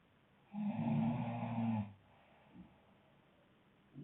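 A single loud, low, rattling breath-in snore lasting over a second, then quiet breathing: snoring.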